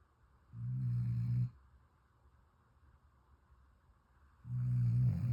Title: Puppy Snores So Loud 😫 #snoringdog #sleepingdogs #spoileddog